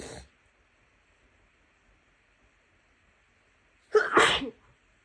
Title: coming down with a cold sneezes 🤲🏽 [F] - messy, wet, let out, soupy sniffles and a nose blow.